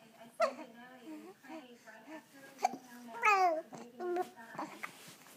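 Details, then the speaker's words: Young child with hiccups: babbling and vocalizing broken by sharp, sudden catches of the voice. "You have the hiccups? Do you got the hiccups?"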